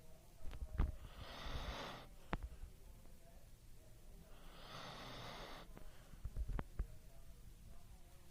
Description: Dog too snore while sleeping....